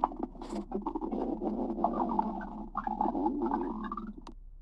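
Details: A dog's stomach grumbling: continuous gurgling, squeaky rumbling with shifting pitch, some almost cooing; normal bowel sounds (borborygmi).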